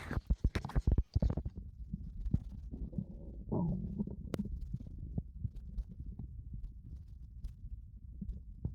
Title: 3dio sounds stomach growling